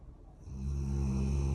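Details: Golden retriever dog Toby, male, asleep: a quiet start, then a steady low, rattling snore that builds and holds through the breath; snoring.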